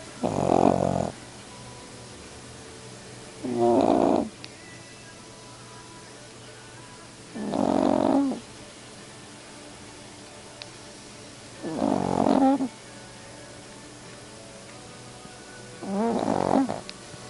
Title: Snoring dog